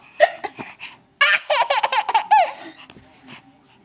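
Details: Baby: a few short, sharp hiccup bursts followed by bubbly baby laughter; ordinary infant hiccups.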